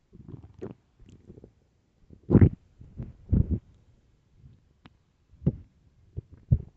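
Deep, irregular gurgling rumbles and low growls separated by quiet gaps; loud stomach growling (borborygmi) from an empty stomach.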